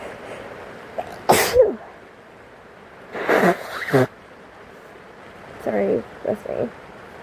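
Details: Sick person sneezing: three sneezes, the first sharp and loud and the later ones softer, over a steady hiss of rain.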